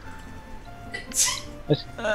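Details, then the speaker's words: Millie sneezing in the background during a game stream: a small, sharp, hissing burst and brief squeak over quiet music and game sounds. "Ah, les petits bruits tout mignons que vous entendez, c'est Millie qui éternue hein, derrière. C'est pas un gremlin ou quoi."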